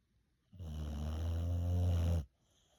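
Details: Sleeping Boxer dog snoring: a single long, deep, rattling snore lasting almost two seconds in a quiet room.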